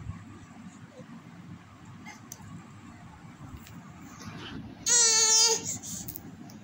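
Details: Several seconds of quiet room noise, then one brief, loud, high-pitched wail under a second, typical of an infant's cry.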